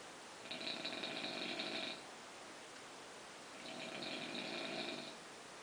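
Two long buzzing, fluttering inhalation noises over steady background hiss, consistent with snoring.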